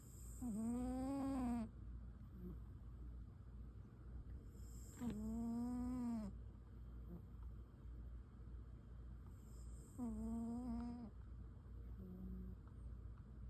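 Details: Snoring in sleep: three long, voiced, rumbling snores at roughly 13 a minute, each with a tonal drone, over steady low room hum.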